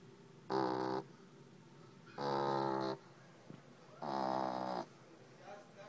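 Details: Three loud, rasping, buzzing snores with quiet breaths between, about 33 a minute, from a sleeping female French bulldog puppy; loud snoring.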